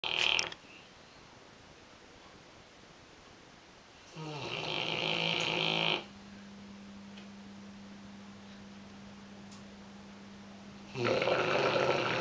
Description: Caspar a Tibetan Mastiff who snores very loudly!